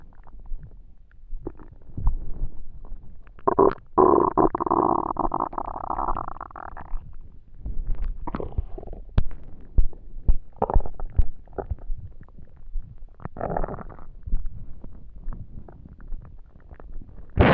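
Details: Low gurgling and rumbling abdominal sounds with a longer growl, from an empty, hungry stomach while trying to sleep; typical bowel sounds (borborygmi).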